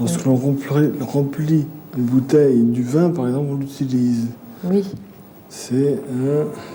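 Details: Man with aphasia from a brain lesion in a picture-naming test, lacking words and saying one word for another while searching for an object name; aphasia with word-finding difficulty and paraphasias.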